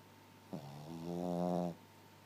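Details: A sleeping puppy, fast asleep, makes a single drawn-out, tonal snoring breath in. Snoring.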